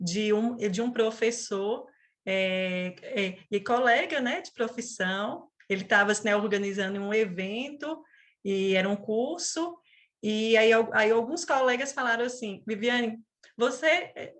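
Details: Adult woman who has stuttered since age 4; stuttering.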